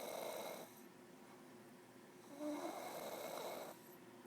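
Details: Deep sleep: two slow rough breathing sounds with a quiet pause between; snoring.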